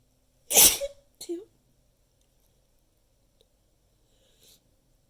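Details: Second in a long counted run of repeated sneezes: one loud, sharp explosive burst followed by a smaller second burst, then quiet.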